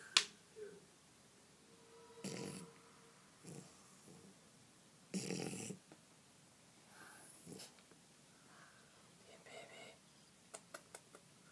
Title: Shar Pei Snoring